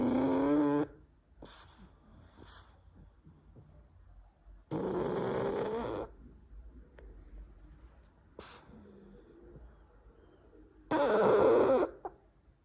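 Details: Snoring 6-year-old pug: three loud, rough snoring breaths in a small dog, separated by quieter breathing and snuffles.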